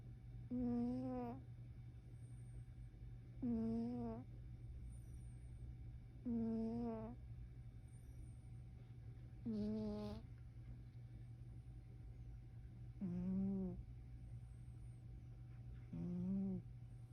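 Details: Sleeping cat snoring adorably: six short, whistly, tonal snores at about 21 per minute over a steady hum.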